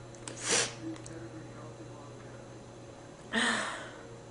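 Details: Man sneezing and snorting after carrying a rose all night; two short, forceful bursts of air through the nose and mouth, like stifled sneezes or hard snorts, in a quiet room with a steady hum.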